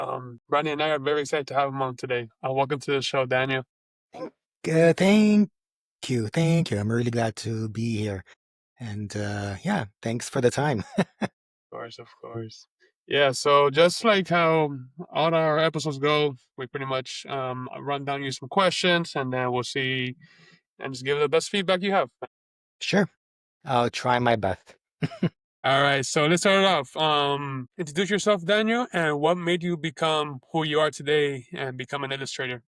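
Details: Adult man who has stuttered since age 4, lets his stutter happen openly rather than hiding it, and says it goes up and down; stuttering.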